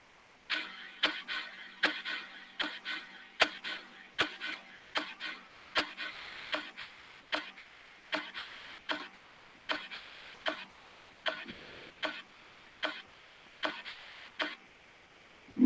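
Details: Veterinary chest percussion demonstrating a tympanic note: about 38 hollow, drum-like taps a minute, a sound that occurs with diaphragmatic hernia, when the stomach enters the thorax, or with pneumothorax.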